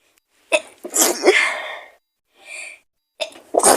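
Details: Simulated roleplay of a sick girlfriend with a cold and fever, lying in bed: acted sneezes with a sharp inhaled build-up, a forceful airy burst, then a smaller sneeze-like sound.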